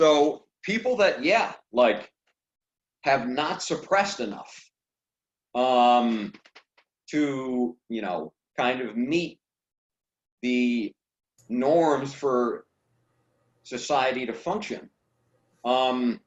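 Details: Adult man who stutters; stuttering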